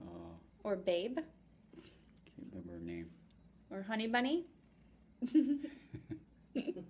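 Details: Adult woman speaking; unaffected speaker.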